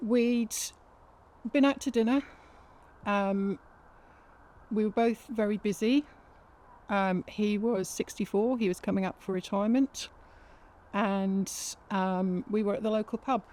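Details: Adult woman speaking; Normal speech.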